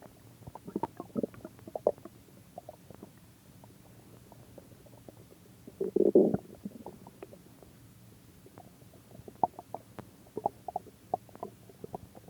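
Scattered gurgles, pops and a longer bubbling rumble from the belly; ordinary stomach growling, a normal bowel sound.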